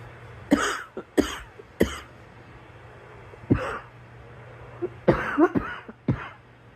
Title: Girl coughing 182